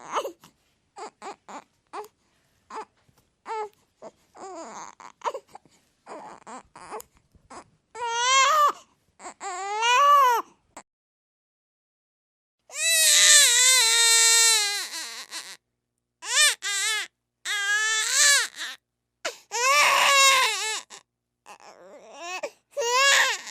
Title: Sound Effect - Baby Crying